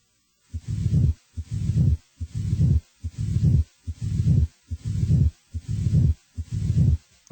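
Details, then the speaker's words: Crescendo heart murmur in a teaching example: regular heartbeat about 72 a minute, with a low rumbling murmur growing steadily louder after each first sound. "the shape of a murmur is determined by its intensity over time a crescendo murmur grows"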